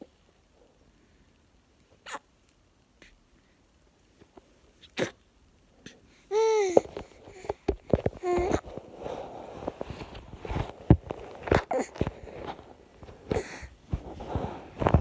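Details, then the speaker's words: Young child with hiccups: a few short, sharp hiccup sounds in a quiet room, then babbling. "you have hiccups? You had the hiccups?"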